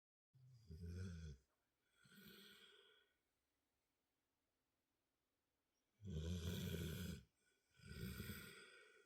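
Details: Two napping at dinner time: loud, rough, low rumbling snores on the in-breath, separated by quieter breaths and a long pause; snoring.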